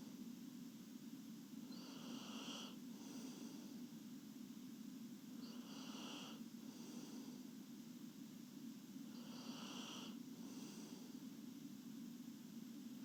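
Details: Girl sleeping, snoring: soft, regular breathy snores, three in about thirteen seconds, over a steady low room hum.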